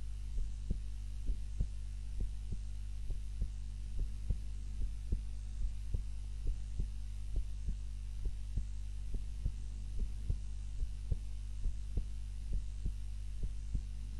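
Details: Heart sounds recorded by timer during a daytime nap, lying on the back rather than the usual face-down: steady low thumps about 67 a minute under a constant hum; normal heart sounds.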